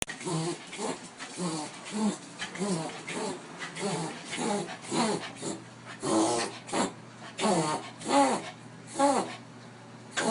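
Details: Dachshund reverse sneezing: a rapid, rhythmic run of honking, snorting inhalations.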